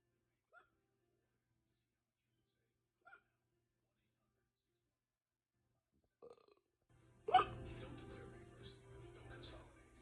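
Three brief, isolated hiccup sounds a few seconds apart in near silence, followed by a louder burp and background noise.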